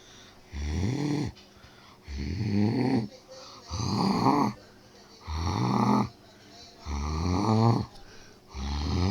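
Regular, voiced, rumbling snores with quiet gaps, about 37 a minute, in a meme imitation of a game character: snoring.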